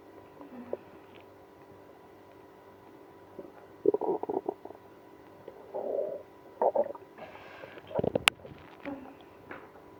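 Several short gurgles and squeaky rumbles over a quiet background; active stomach growling in irritable bowel syndrome.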